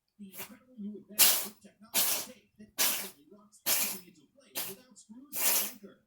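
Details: Cleo can't stop sneezing: repeated sneezing.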